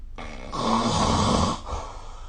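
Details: Snoring recorded with the SnoreLab phone app during sleep: one loud, rattling snore lasting about a second on the in-breath.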